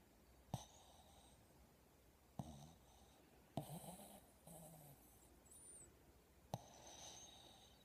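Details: Sleeping dog snoring: low, rough snorts and snuffling breaths at irregular intervals, with quiet room noise between them.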